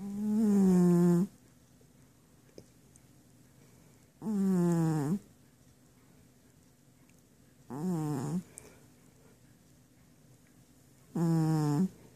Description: My cat is sleeping and his snoring sounds just like farts.